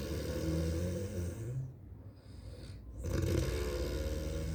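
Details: Live snoring: heavy, rough, rumbling snores on long breaths with brief quiet pauses between them.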